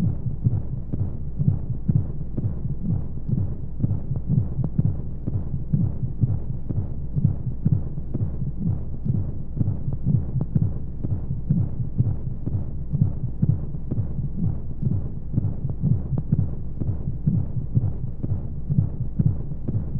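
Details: Womb sound played as a baby sleep aid: steady low thumping heartbeat, about 125 a minute, under a constant whooshing white-noise rush; heartbeat.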